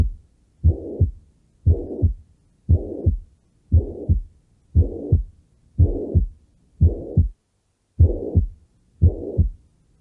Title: Ruidos Cardíacos